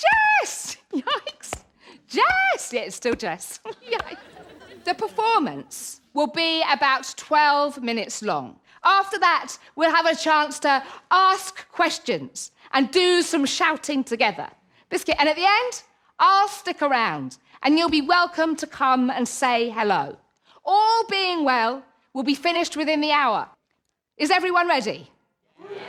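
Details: Woman in her late 30s with Tourette syndrome; involuntary vocal tics like "biscuit" interrupting speech, and motor tics banging her chest, with audible hand-on-chest sounds; Tourette syndrome vocal tics.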